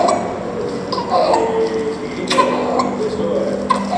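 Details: Inspiratory stridor in a neonate with laryngomalacia, absent during crying episodes with normal oxygen saturation; videoscopy showed supraglottic structures collapsing onto the airway.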